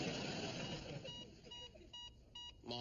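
Short repeated electronic beeps over background noise from a TV show scene: a medical monitor beeping.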